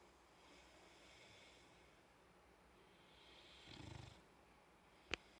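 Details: A boxer puppy sleeping with its tongue out gives one low, fluttering snore on a breath, over a quiet room hiss, followed by a brief click.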